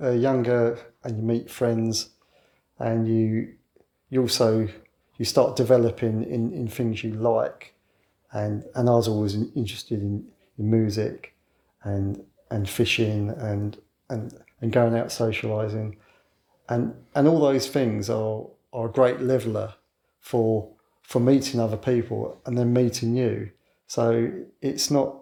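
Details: 61-year-old man who has stammered since childhood and now mostly hides it (covert stammering), so overt disfluency may be infrequent; stammering (stuttering).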